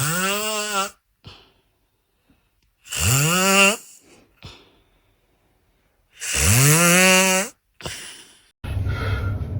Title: funniest snore moments #snore #funnyvideos😂 #fyp #foryou #viral #top5 #funny #couple